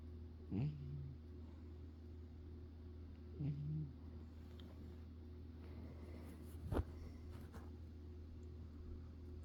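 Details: Two short, low buzzing snores a few seconds apart over a steady low room hum, with a brief click later: a cat snoring, recorded right at the owner's ear.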